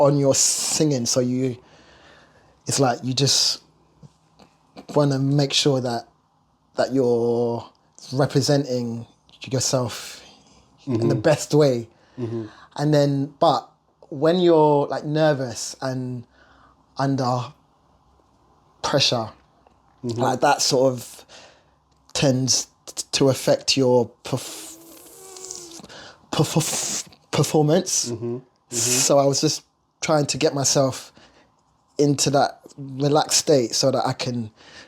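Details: Stuttering (stammer) in an adult male singer who has lived with it throughout his life.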